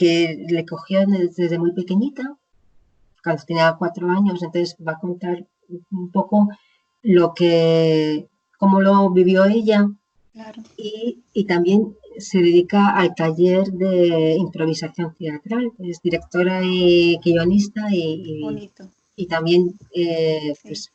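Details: Woman with chronic aphasia after a stroke about 20 years ago; she reports now speaking more slowly and making more errors; aphasia.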